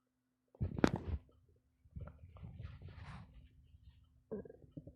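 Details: Loud gurgling and rumbling stomach growls in bursts; very active bowel sounds (borborygmi).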